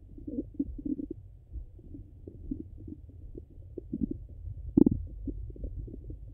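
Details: Low gurgles and bubbling rumbles coming irregularly, with one louder gurgle near the end; normal bowel sounds heard with a stethoscope, recorded hungry and full.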